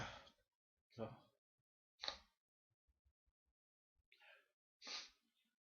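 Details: Five quick sneezes about a second apart in a quiet room, each a sharp burst of air: ordinary sneezing bout.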